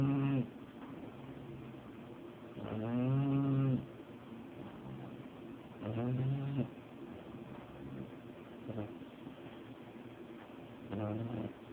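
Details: A female pet snores while asleep with low, buzzing, rattling snores roughly every three seconds, opening her eyes a few times and snoring on through a text message notification.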